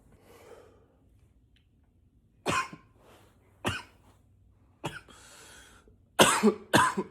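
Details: Five sharp deliberately acted coughs with quiet breathing between, some intentionally deeper in pitch; voluntary coughing.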